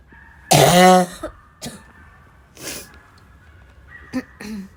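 A loud, harsh, hoarse cough followed by several weaker coughs and throat clearing; a barking cough.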